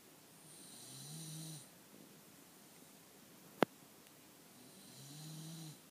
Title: Snoring after anti BSL walk and Santa visit